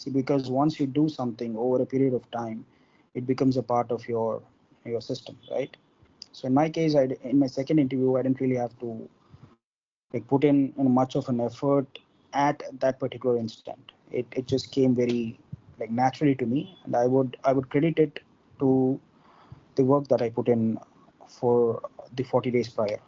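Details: Involuntary stuttering in an adult man from India who stammers, with onset at about four or five years old.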